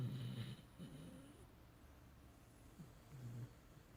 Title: Snoring Tired Beagle